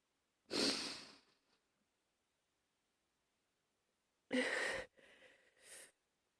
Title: # 25 cough cough.... and cough